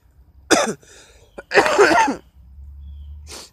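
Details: A person with Tourette's, sick for a week with low energy, a stuffy and scratchy nose and body aches, gives two harsh, explosive coughs with a brief throat sound between them.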